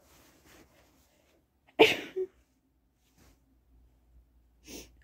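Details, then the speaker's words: A single sharp sneeze with a quick breath in before it, then quiet breathing, from a person with a cold or possibly flu who feels horrible. "oh so if you if you win on my live stream then today you can tell i got a cold but i can't really tell if it's a cold it might actually be the flu because i feel"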